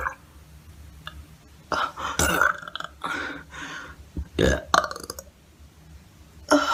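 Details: Repeated loud, low, rumbling belches in quick succession in a quiet room, with throat clearing, gasps and sighs around them; burping.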